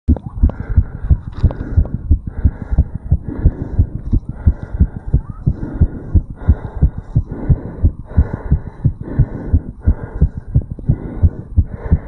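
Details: 35-year-old male's heartbeat recorded over the tricuspid valve area right after jogging uphill: rapid, regular thumps with loud breathing noise.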